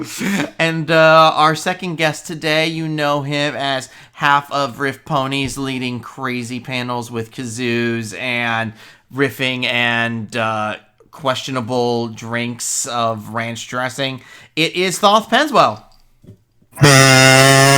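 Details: Adult speaker; Normal speech.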